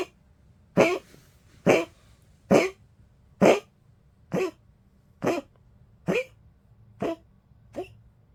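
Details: 15-year-old Poodle gives a series of nine short, dry, harsh coughs, fading slightly in strength: dog cough.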